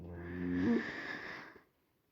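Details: A pet dog snoring in the background: a single rough, buzzy breath followed by a hissing exhale.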